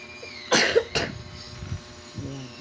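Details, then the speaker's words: Two short, sharp coughs from a child with asthma on asthma medication, with faint room noise and a brief voice afterward. "Yan, narinig niyo ang ubo ng anak ko."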